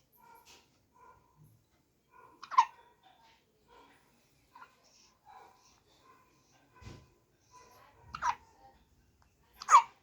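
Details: 15-day-old baby girl: soft infant vocal sounds with a few sharp catch-like bursts in a quiet room; newborn hiccups.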